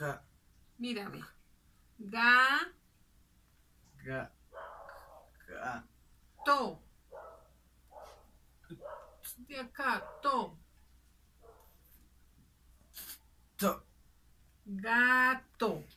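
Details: Simulated (acted) Broca's aphasia, a non-fluent aphasia with difficulty articulating and joining short words.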